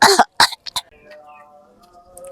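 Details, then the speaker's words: Acted adult playing a father with a phlegmy cough: two loud cough bursts and smaller throat-clearing sounds, fitting a wet productive cough. "Ayah batuk berdahak. Ini Bunda banget."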